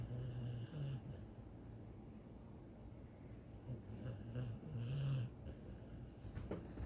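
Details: Animal sleeping with her tongue out: low, rough, rumbling breath sounds recurring unevenly over quiet room noise; ordinary snoring.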